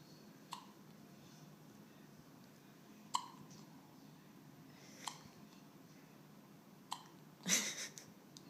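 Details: Hiccups: sharp, brief hiccup clicks at irregular intervals of about two seconds, ending in a short breathy burst.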